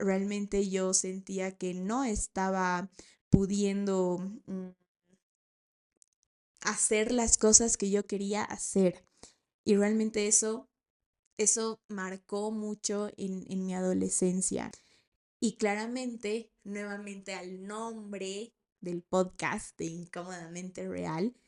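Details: 28-year-old woman, a speech-language therapist, who has stuttered since age 4 and still stutters, finding sounds such as P, L, M and T harder: stuttering.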